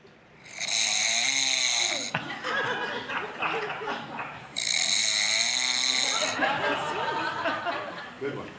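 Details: A man's snoring while asleep, recorded and played from a phone: loud harsh snores on both inhale and exhale, with exhale snoring starting partway, about 15 per minute, amid laughter and chatter.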